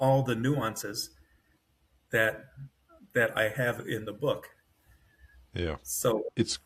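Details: Adult man with self-rated mild-to-moderate aphasia after an AVM brain hemorrhage, surgery and a 10-day medically induced coma. He woke with right-side paralysis, has foot drop, and has trouble finding words, with his brain working faster than his mouth.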